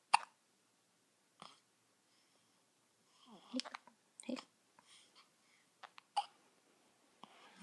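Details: About six short, sharp little catches in under eight seconds, with faint baby sounds between, from a baby girl awake early in the morning: infant hiccups.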